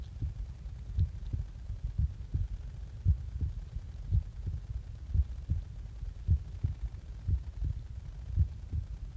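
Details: Heart sounds recorded just after waking up: soft, muffled low thumps repeating steadily over a rumbling background hum; ordinary heartbeat.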